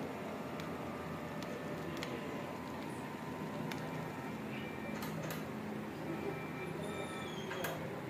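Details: Steady low motor hum with occasional clicks as the non-invasive blood pressure (NIBP) cuff of an ICU vital-sign patient monitor inflates during a demonstration measurement.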